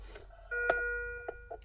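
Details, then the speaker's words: Low oxygen saturation alarm on a Philips IntelliVue MX400 patient monitor, set off by the demonstrator holding their breath: a clear two-tone chime with flashing amber light, a medium priority alarm. "Looks like a low oxygen alarm. So, that's another medium priority alarm, which is why it's flashing amber, as you can see."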